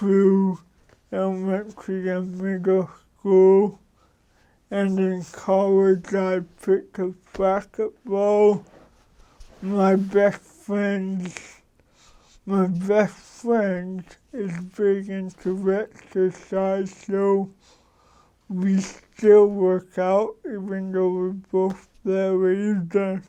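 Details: Adult man with cerebral palsy for 53 years, which he says came from damage to the brain and spinal cord; he says his speech differs from most people's and he adjusts it so others understand; dysarthria.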